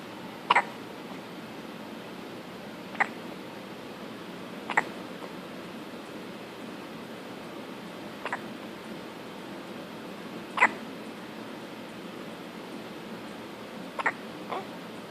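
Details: Newborn girl born 4 weeks early, recorded just after birth: six brief, sharp hiccups over about fifteen seconds, spaced somewhat irregularly, in a quiet room; newborn hiccups.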